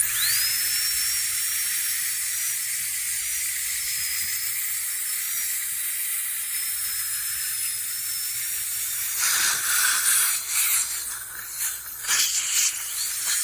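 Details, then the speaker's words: Dental handpiece with football diamond finishing composite on a chipped upper central incisor with erosion and abfraction, adult male: steady high drill whine about nine seconds, then stops, contouring the lingual surface to the gum line without overhang. "Okay, so now I'm going to finish them off. I use a flame diamond. A flame diamond."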